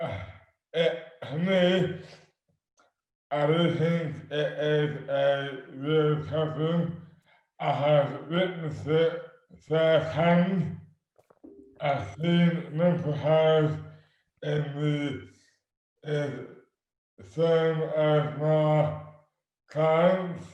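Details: Adult man with dystonia, sudden overnight onset in 2008 (about 12 years before this 2020 recording) with no known cause, speech dramatically impaired and hands also affected; dysarthria due to oromandibular dystonia.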